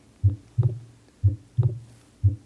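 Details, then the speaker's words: Simulated heart sounds in a teaching demonstration: low, thudding beats in a galloping rhythm, like a horse galloping, from combined S3 and S4, a summation gallop. "vamos a oír ahora una combinación de estos galopes cuando se oye ese 3 y S 4 y ahí es más patente el sonido como si fuera un caballo galopando"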